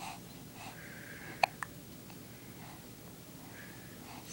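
Two quick, sharp hiccup sounds less than a second apart against quiet room noise, typical of hiccups.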